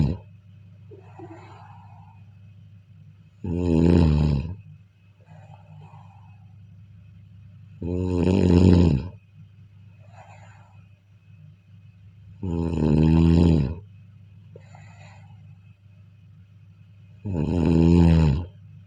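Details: Steady sleep snoring: loud, rattling inspiratory snores at about 13 a minute, with quiet exhalations between.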